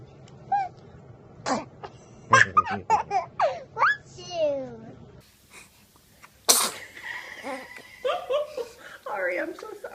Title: Funny Baby Sneezing Just Compilation || Family Babies